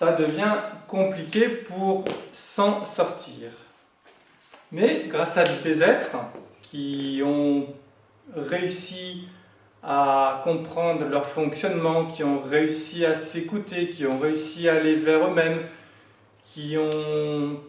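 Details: Adult French-speaking man who has stuttered since childhood, for decades, and says he now manages to speak through it; stuttering.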